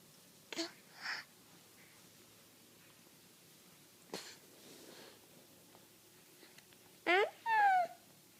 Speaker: Do you have a cough? Oh my goodness.